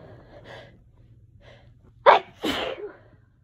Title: Allergy Sneezes